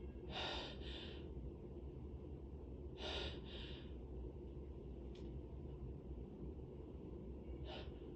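Two sneezes muffled into a handkerchief, each with a sharp intake and a bursting release, plus a faint third breath noise, over steady low room rumble.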